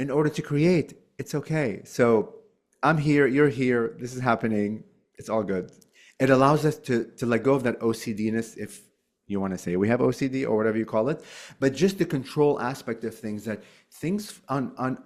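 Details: Stuttering in an adult male since childhood, still present; he uses "like" as a bridge word to avoid getting stuck, otherwise going "uh" with the word not coming out.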